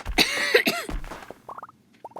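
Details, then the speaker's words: Harsh loud throat-clearing cough from a gamer talking after not drinking liquids all day, said not to be COVID, with faint game sounds; cough. "i do not know why i'm coughing so much i literally haven't been coughing any"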